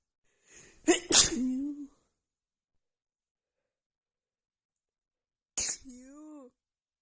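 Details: Female with a head cold and blocked nose, after sniffing a tiny bit of black pepper: quick double sneeze with a drawn-out voiced ending, then after a pause a single sneeze with the same trailing sound.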